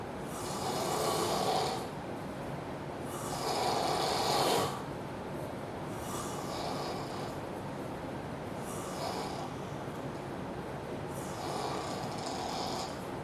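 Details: Man snoring so loudly it seems he should wake himself: loud, harsh, rasping snores, about 21 a minute, with steady background hiss; heavy snoring.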